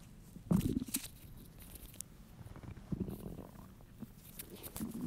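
Soft low gurgles and rumbles with a louder burst early on; ordinary hunger-related stomach growling.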